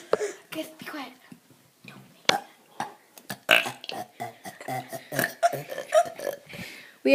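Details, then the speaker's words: Children taking turns burping, with farts also mentioned: a run of loud, voiced burps one after another, with brief children's voices between them. "orchestra of burping today don't we Drake and farts I think I got to fart"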